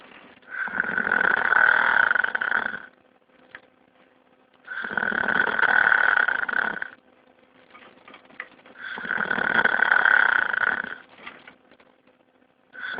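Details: Loud, harsh snores lasting about two seconds each, roughly every four seconds, with quiet pauses between; heavy snoring.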